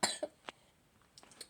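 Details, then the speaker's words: Brief cough burst followed by smaller sounds from a young person who says they currently have pneumonia. "Actually, I'm sick. I have pneumonia right now."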